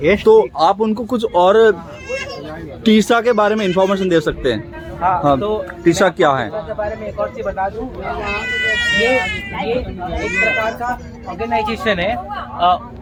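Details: Adult man who says he stammers, speaking Hindi during speech practice on a train while returning from a stammering communication workshop; stuttering.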